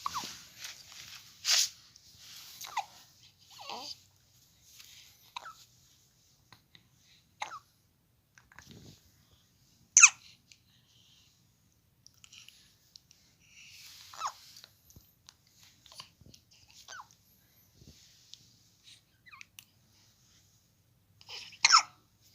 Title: Infant hiccups during massage and relaxing #newbornbaby #infant #tad #kiddy